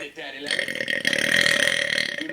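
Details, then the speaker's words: A long, loud, rumbling, throaty belch lasting about two seconds, made on purpose by a 10-year-old girl; burping. "Okay, here's another burp. I'm not going to say anything. I'm just going to burp. See how it goes."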